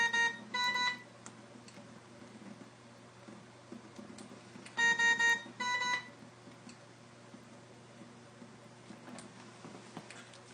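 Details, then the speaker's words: Two clusters of bright electronic beeps over a steady room hum, then quiet: a high pressure alarm on a Newport HT70 Plus ventilator at start of ventilation, in a training demonstration with a patient described as having very stiff lungs. "And right away you can see I got a high pressure. So I'm going to go, it's going to try to deliver her a breath, but I'm going to go right to the alarm and figure out what it is."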